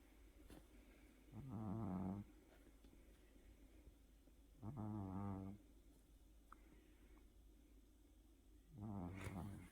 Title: cat snoring